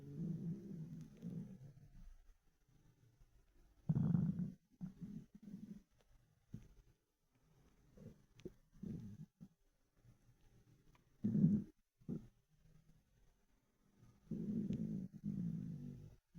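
Low, gurgling rumbles come in bursts with quiet gaps between them. These are ordinary stomach rumbles from a hungry, empty stomach.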